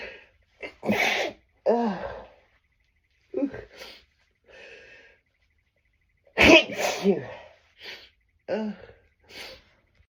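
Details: Adult with worsening tree pollen allergy trying to stifle sneezes too strong to hold: a run of repeated sneezes, some stifled, some big, loud and helpless, with short breaths between.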